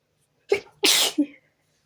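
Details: A quick intake followed by one sharp, hissing sneeze burst and a short trailing sound, a single sneeze during a sneezing fit while trying to relax: sneezing.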